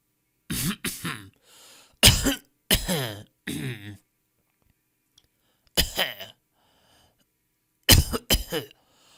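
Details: Stock audio of people coughing in different styles: several separate plain adult cough bursts, some in quick pairs, with quiet gaps between them.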